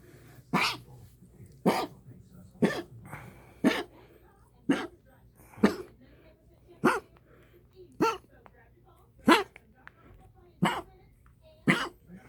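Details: Dog with a run of about eleven sharp, dry hacking coughs, roughly one per second; owner plans to see the vet today. Hacking cough.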